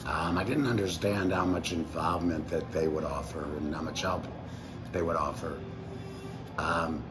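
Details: Tracheoesophageal speech from an adult man about 4 years after total laryngectomy (February 2019) with removal of the larynx and vocal cords, speaking with a voice prosthesis, currently a Provox Active Valve.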